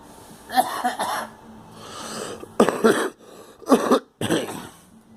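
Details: A girl coughing: several short, forceful coughs in separate bursts with quiet breaths between, in a small room.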